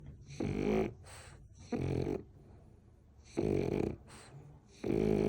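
Loud, rough, rattling breathing sounds repeating in a slow sleep rhythm with quieter gaps between, about four in five seconds; snoring.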